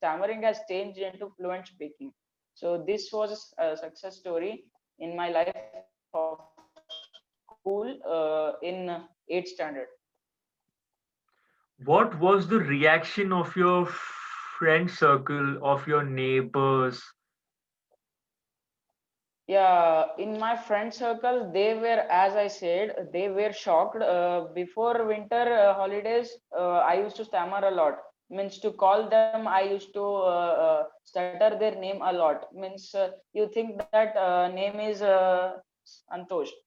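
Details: Stuttering in a 14-year-old Indian schoolboy.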